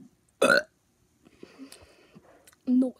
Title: Burping part 1